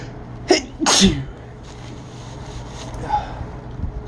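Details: Phone recording of a sneezing attack: two sneezes in quick succession, a small one then a loud explosive one, with quiet room noise after; part of a sneezing fit.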